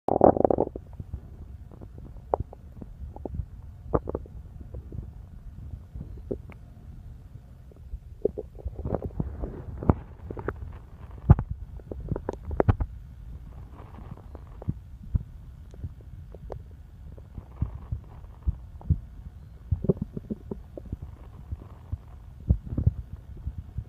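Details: Person's own stomach rumbling: low, irregular, intermittent gurgling and bubbling bowel sounds (borborygmi).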